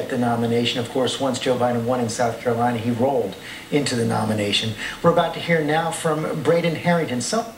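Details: Adult male news commentator; typical speech.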